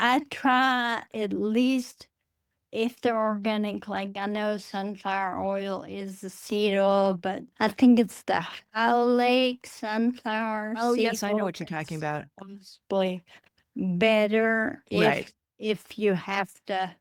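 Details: Adult woman with Friedreich's ataxia, a rare progressive neurodegenerative disease diagnosed at age 23, which she says affects her speech; wheelchair user; ataxic dysarthria.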